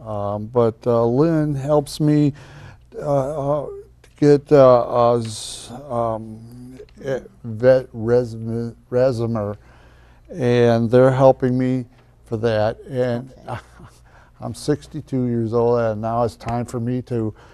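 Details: 62-year-old man with aphasia caused by a stroke in 2009, in a community aphasia program since 2012 after speech therapy; aphasia.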